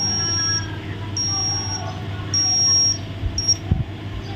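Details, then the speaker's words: Newborn's underarm temperature taken with a digital axillary thermometer during a neonatal assessment practice; high-pitched electronic beeps at the end of the reading, which was a normal 36.5 °C. "Ibu, saya akan mengukur suhu tubuh bayi menggunakan termometer aksila untuk mengetahui apakah suhu tubuh bayi normal atau tidak."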